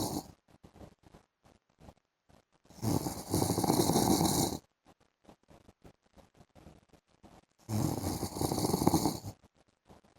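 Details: Adult husband snoring during an afternoon sleep: two long, harsh, rattling snores about five seconds apart, with faint clicking room noise between them; loud snoring.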